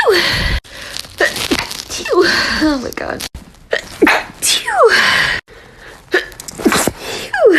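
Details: Compilation of sneezes from several people, each with a sharp intake of breath before the burst, with voices, room noise and "bless you" between them.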